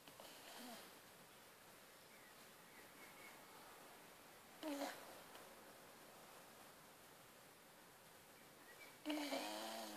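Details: Corgi asleep after a long walk, snoring loudly: quiet noisy sleep breathing with two louder snorting breaths over ten seconds in a quiet room: snoring.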